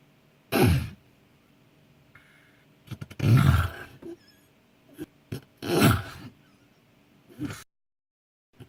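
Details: A friend secretly recorded snoring in sleep (uploaded with consent): irregular, harsh snorts and gurgling snores with short pauses and small clicks, varying from breath to breath; unusually varied snoring.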